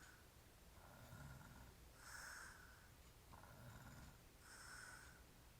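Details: Drunk adult man snoring: regular rough snores with each breath, about 24 breaths a minute, with both breathing in and breathing out rattling softly.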